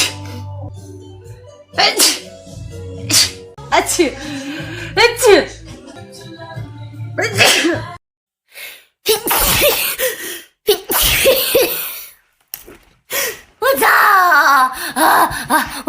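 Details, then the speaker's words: Allergic sneezing in a young Chinese woman whose nose is sore from blowing it, possibly for about two weeks: several forceful, wet sneezes in quick succession after quieter sounds, with background music. "什么啊？等一下，我要打喷嚏。"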